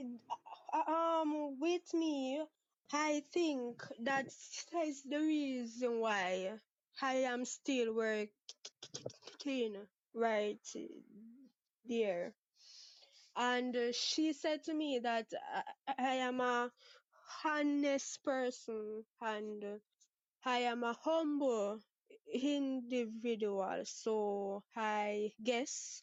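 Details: 23-year-old Jamaican woman who has stuttered (stammered) since about age six, with father and sister who also stutter and no speech therapy ever; part-word and whole-word repetitions audible; stuttering.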